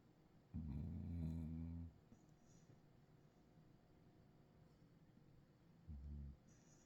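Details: Cattle dog snoring in deep sleep, audio only: a deep, rattling snore followed five seconds later by a shorter one, in a quiet room.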